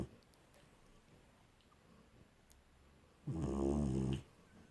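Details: One loud, low, fluttering snore about a second long after quiet breathing in a small room; ordinary snoring.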